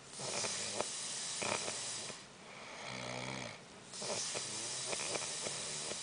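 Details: Snoring during sleep: repeated hissy, rough breathing noises with a brief low fluttering tone.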